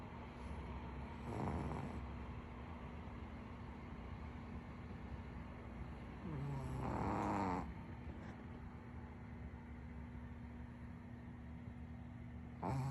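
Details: Dog snoring: a few rough, irregular snorting breaths over a steady background hum.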